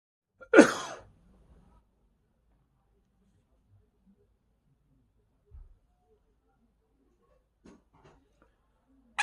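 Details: Quaker parrot imitating a sneeze: one loud, abrupt sneeze-like burst, then near silence with faint small sounds.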